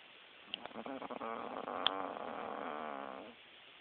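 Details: Chick snoring: a long, buzzy, fluttering breath sound rising and falling over about two and a half seconds, with faint clicks.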